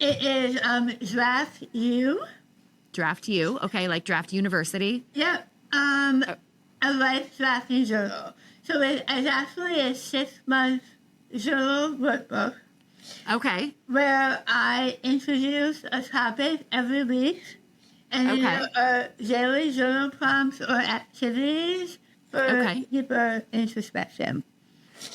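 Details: Adult woman with articulation disorder after partial glossectomy for stage 4 tongue cancer: over half the tongue removed and rebuilt with a forearm graft, plus neck dissection and six weeks of radiation and chemotherapy; some listeners cannot understand her.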